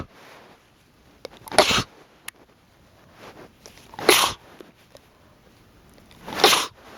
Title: sneezing fit